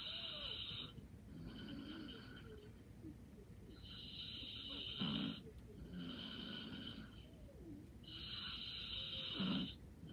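Soft, rattling snores with a whistling edge, about 14 breaths a minute, over low room noise; light snoring during sleep.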